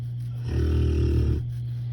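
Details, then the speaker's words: One deep, rumbling snore lasting about a second over a steady low hum from Hammy, a sleeping pet nicknamed the snore king; snoring. "hammy snoring I don't know how you I don't know how you sleep with him huh how you sleep with that Hammy the snor king"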